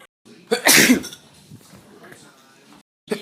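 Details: Single sneeze: one sudden explosive burst of air with a short noisy tail, followed by quiet breathing.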